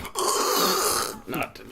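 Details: A sleeping dog heard during a podcast gives a single rough, breathy snore, followed by a brief softer sound.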